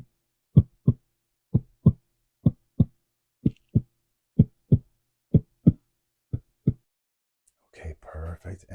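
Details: Steady paired lub-dub heart sounds at about 63 beats a minute, no extra noises, then rustling, heard with stethoscope during deep breathing in an acted ASMR doctor roleplay (cranial nerve exam for new patient); normal heart sounds.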